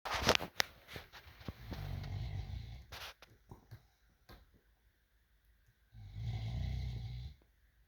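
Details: Low, rattling breaths in through the nose or throat with a pause between them: ordinary snoring during sleep.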